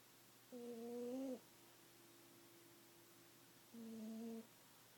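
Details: A sleeping cat gives two humming, whistle-like snores about three seconds apart over a low room hum; snoring.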